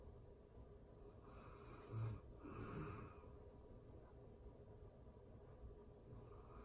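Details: Real-time recording of a person asleep, excerpted from a longer session: soft low rumbling snores on breathing in over quiet room hiss; ordinary snoring during sleep.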